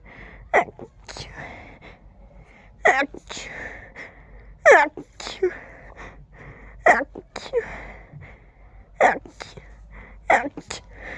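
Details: Very stifled, huge allergic sneezing fit: about six muffled, suppressed sneezes in quick succession with brief breaths between, described as tickly and fast, with the urge to sneeze on every breath.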